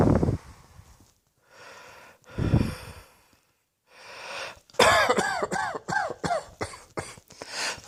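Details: Two separate coughs, then a rapid run of about eight short, voiced coughs in close succession.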